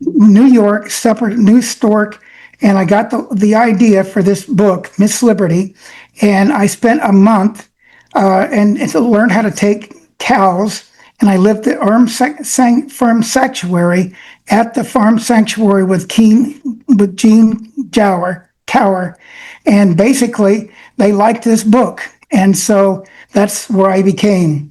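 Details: Adult man with self-reported aphasia affecting his brain's language centers, making speaking harder and limiting his access to words, so he reads prepared remarks; aphasia.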